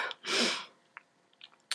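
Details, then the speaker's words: A quick catch of breath, then one sharp, hissing explosive sneeze and a few faint clicks in a quiet small room, from a sick adult who makes an odd noise after sneezing. "That was a really weird noise. I don't know why I make that noise after I sneeze."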